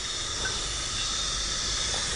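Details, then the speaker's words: CPAP mask with flow set at 10 L per minute and an in-line nebulizer switched on: steady loud, continuous, even hiss of airflow that changes little once nebulizing. "So, if I'm going to utilize it, I'm going to turn it into the on position. You might not hear a large difference, but it is nebulizing."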